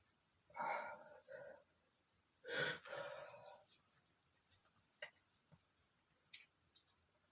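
Two sneezes, the second more forceful, each with a sharp inward breath before the burst, then quieter breathing and sniffs in a small room.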